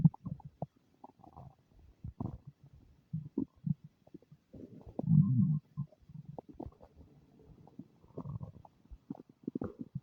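Low gurgling and bubbling rumbles with a longer growl midway; stomach rumbling.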